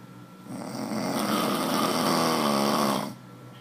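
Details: A single long, loud, rough snore on one in-breath, lasting about two and a half seconds.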